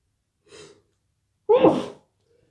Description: I'm sneezing after a workout in the garden